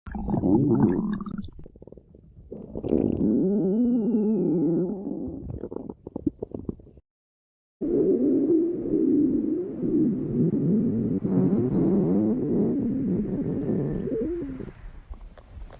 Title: бисца stomach growling 2